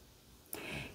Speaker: I just wanted to mention you probably hear it one of my dogs is snoring very loudly but she's being her best self so I'm allowing it